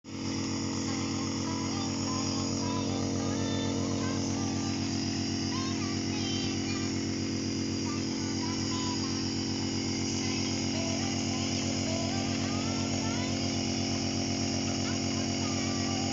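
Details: Loud, steady buzzing motor drone of a nebulizer compressor during a toddler's nebulizer therapy for cough and cold, with faint background sounds.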